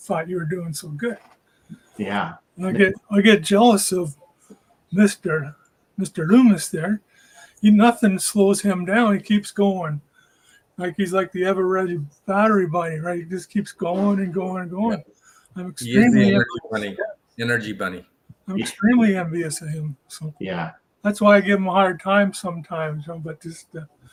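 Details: Stroke survivor about four years out, reporting part-time aphasia with word-finding trouble, forgetting words like "bike", plus short-term memory loss; aphasia.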